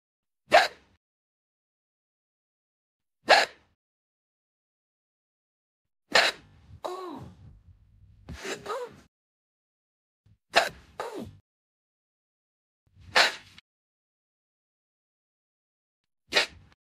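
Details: AI-generated imitation of Coco Bandicoot (female character) hiccuping like crazy, supposedly permanent hiccups after drinking Dr Cortex's potion; short, sharp catches recur every two to three seconds, about 22 a minute; hiccups, simulated.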